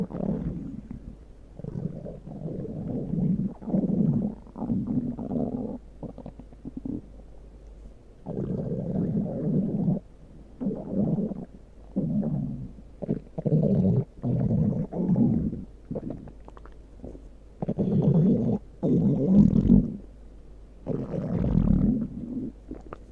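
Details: Repeated low gurgling and rumbling bursts from the speaker's own abdomen: stomach growling.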